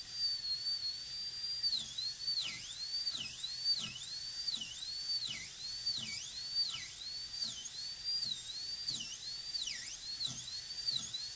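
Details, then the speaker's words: High-speed dental drill preparing a maxillary tooth for a PFM crown on a typodont model, joining chamfer to shoulder margin near the gingiva; steady high whine dipping in pitch about 40 times a minute as the bur cuts. "Okay, so now in order to bring this through, I'll take my stick again. Make the chamfer join the shoulder smoothly, as long as they have the same taper, same angulation gingivally, and the same level, then it should come through smoothly."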